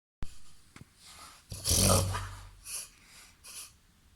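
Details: Reverse sneezing in a 21-month-old, 30 kg Labrador–golden retriever–Weimaraner cross dog: loud, rapid snorting inhalations in a brief run.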